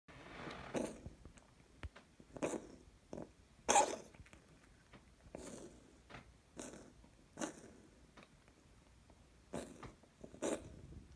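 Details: A cat gives a series of about ten short, dry, hacking coughs in a quiet room; a coughing cat.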